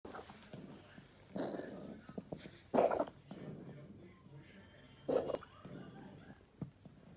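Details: Cat cough: three harsh, forceful bursts spaced a couple of seconds apart, with wheezy breathing between them.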